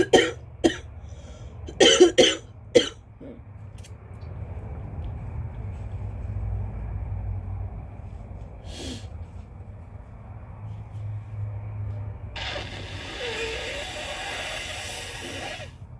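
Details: A quick run of about five or six wet, phlegmy coughs, then a long rough snotty nose-blow, with steady low room rumble: wet productive cough.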